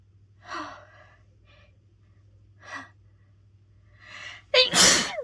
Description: Still so stuffed up from my cold, decided to try a dose of chhinkni and could not stop sneezing.